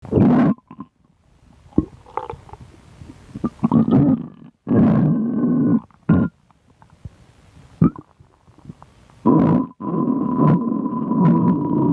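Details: A person's own stomach growling (borborygmi): irregular bursts of low gurgling and rumbling, some with a drawn-out squeaky whine, separated by quiet gaps.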